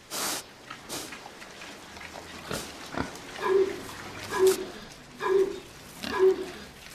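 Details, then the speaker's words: Pig on an organic farm gives a few short harsh coughs among grunts, attributed to a cold like humans catch; cough. "On entend tousser un cochon. Ils attrapent des rhumes comme nous."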